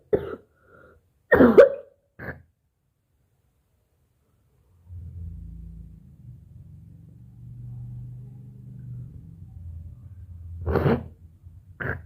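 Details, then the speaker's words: Woman coughing up thick phlegm in the morning after her throat felt clogged, spitting into a bowl: a few harsh, wet-sounding coughs and throat clearing with hawking, then a low steady hum; productive cough. "घना का फिर बहुत कप निकाल के गाइस। सुबह ना एकदम गला पकड़ा था, तो अभी निकल रही है, तो गला देखिए धीरे धीरे साफ हो रहा है।"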